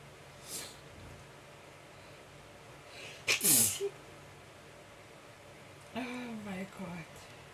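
One loud, explosive sneeze after a brief intake, then a short vocal exclamation, over steady room hiss.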